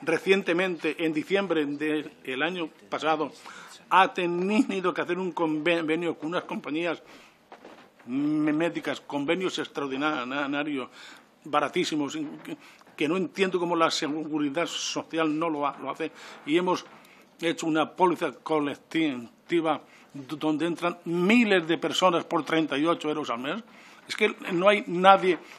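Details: Adult man who stutters (real, self-reported), speaking before a parliamentary commission; stuttering.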